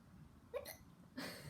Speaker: I see one right yeah on your face awesome right here even more hiccups